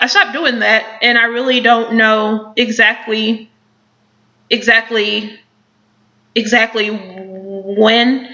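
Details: Woman who has stuttered since age four, very severe at first and now mostly mild with mostly repetitions; stuttering (word repetitions).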